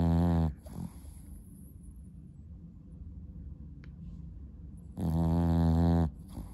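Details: French bulldog snoring: two loud, buzzing, low snores about five seconds apart, with quiet breathing between them; snoring in a small flat-faced dog.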